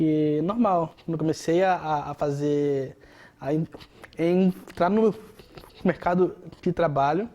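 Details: Adult man speaking Portuguese; stuttering.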